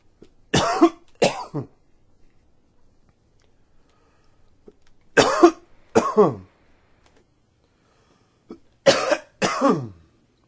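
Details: An adult with ongoing allergies gives three pairs of short, dry coughs spaced several seconds apart in a quiet room; an allergic cough.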